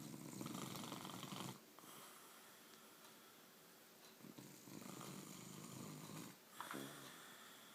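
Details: Mother snoring in sleep: rough, rattling snore sounds during breathing with quieter pauses between, in a small room.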